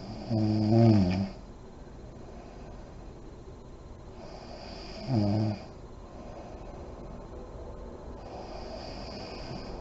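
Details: Adult woman (mother) sleeping with lights on, in deep REM sleep: snoring with deep breathing and lip blowing.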